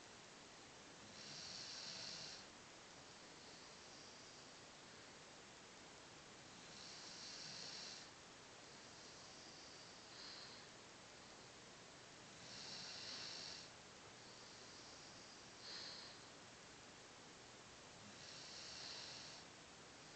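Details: Cocker Spaniel mix dog sleeping on a sofa: soft, hissy snoring at about 11 breaths a minute, with steady room noise behind it.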